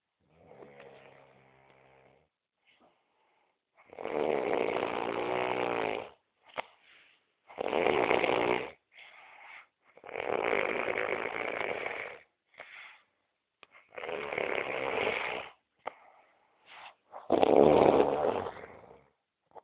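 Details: Loud, rough snores repeating steadily, about five in twenty seconds, with quieter snorting sounds between them, from a person sleeping late at night; snoring.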